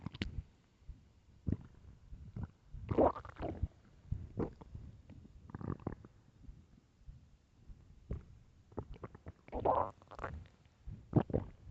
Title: LOUD starving stomach growls (headphones) part 3